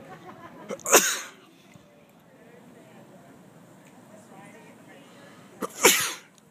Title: The Sneeze